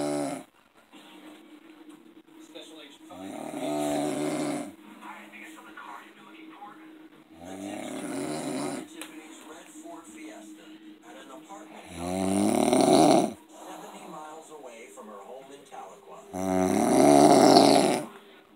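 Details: Loud, harsh snores about every four to five seconds, roughly 13 a minute, steady tone, faint background music; snoring, after which the sleeper was woken to turn on his side and went straight into a seizure.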